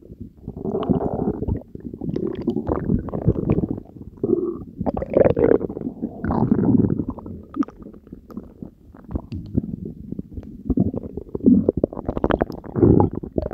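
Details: Belly gurgles ASMR after diet coke and Mentos said to be taken into the stomach: loud, prolonged gurgling and rumbling rising and falling in waves; active bowel sounds.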